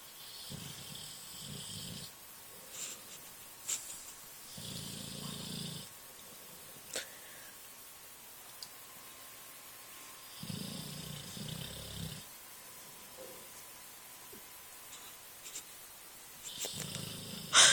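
Rhythmic, low, rattling snores with hissing breaths, about every five to six seconds, in a quiet room. Snoring in a sleeping dog.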